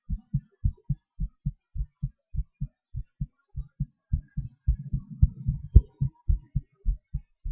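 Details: Self-recorded heartbeat during breath-holds and panting/hyperventilation: low, distinct heartbeats, roughly 110 a minute in bursts, with shifting spacing and some rustling; normal heart sounds with varying rate.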